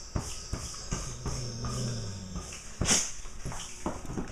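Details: Perla, a yellow Labrador, gives a single sharp, hissing nasal sneeze among soft shuffling and snorting sounds in a small low-light room.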